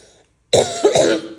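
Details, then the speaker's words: Woman at second visit for acute fever and cough, worst cough ever, sore raw throat, feels phlegm but cannot bring it up, exhausted from coughing: single short, harsh cough without wet rattle; dry cough. "इतनी बुरी खांसी कभी नहीं हुई। सूखी खांसी है ना?"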